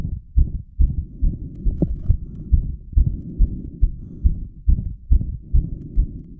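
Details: Self-recorded straight after squats that pushed heart rate to 180 bpm: fast, regular heart thumps at about 140 a minute, with a very prominent apex beat and a murmur the person says is audible; rapid heart sounds after exercise.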